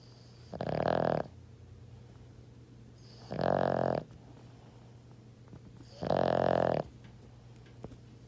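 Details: Sleeping dog snoring: three loud, buzzing snores, one with each breath at roughly 22 breaths a minute, over a steady low room hum.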